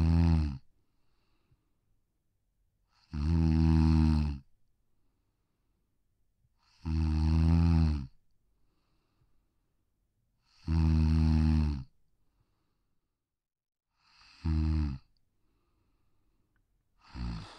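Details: Sleeping brachycephalic (short-muzzled) Pug snoring softly on a deck: rhythmic, low rumbling snores at about 16 a minute in a quiet setting.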